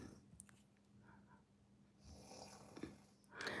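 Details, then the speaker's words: Snoring in the background at 5:05 in the morning: faint, rough breathing noises rise and fall against a quiet room with a low electrical hum. "And you hear the snoring in the background. That is peace."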